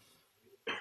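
Quiet room tone, then one sudden loud harsh burst at the very end, a single brief cough cut off as it starts.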